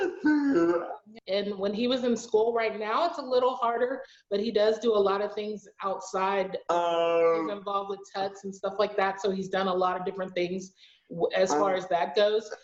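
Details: Adult woman speaking; normal speech.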